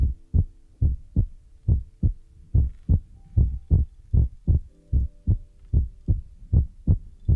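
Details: Heartbeat sound in an ASMR relaxation recording: steady, regular low thumping at about 74 beats a minute, with a faint background hum.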